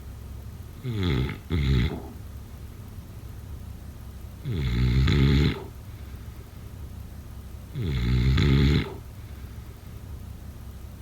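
Deep rumbling snores with each breath in, roughly 18 a minute, quiet between; snoring during sleep.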